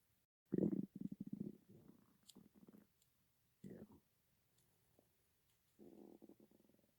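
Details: Ordinary stomach rumbling (borborygmi): several low, bubbly gurgles and rumbling bursts separated by quiet gaps.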